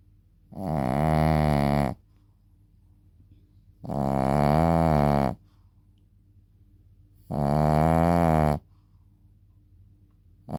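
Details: Loud, buzzing snores in a steady rhythm, about 18 a minute, each over a second long, with quiet between, from a sleeping Shih Tzu dog; snoring.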